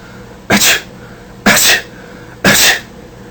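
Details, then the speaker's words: Three sharp, explosive sneezes about one second apart, in a child's lesson on sneezing and how to respond to a sneeze in Tshiluba. "sneezing Force the saliva and germs out you don't need to spread your Sal and germs to others sneeze in a tissue or in your elbow"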